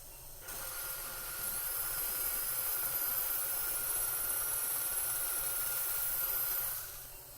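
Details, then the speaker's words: Final 3.4/2.8 mm drill in guided osteotomy for a 13 mm tapered dental implant between central incisor and canine: steady high-pitched whine with hiss and faint grinding about six seconds; dental implant drill. "now we'll move to our final 3.4 2.80 drill"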